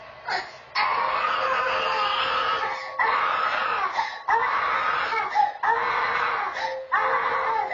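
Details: Infant crying at night in a small room, recorded on a home camera: sustained, rhythmic long wails with brief breaths between; infant cry, presented as a paranormal story.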